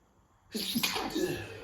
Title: Cold Sneezing Fit